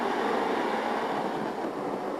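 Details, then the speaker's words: Simulated-free real recording during deep brain stimulation surgery for essential tremor: dense crackling, rushing neural firing from a thalamic microelectrode as the patient brings on her right-hand tremor during mapping, tremor cell activity dubbed "the music of burning." "that's exactly the experience to ears it's kind of like listening to music we call it the music of burning"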